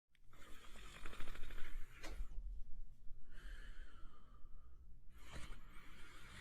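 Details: Soft, irregular noisy breaths with a low rattling snore on some breaths from a sleeping French Spaniel dog; mild, soft snoring.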